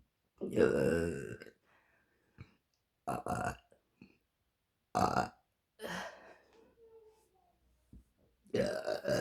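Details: Several loud, drawn-out belches with short gaps and a few brief voice sounds, from a woman: repeated burping.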